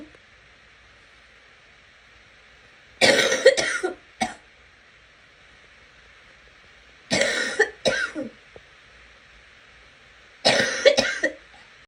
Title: Girl coughing 38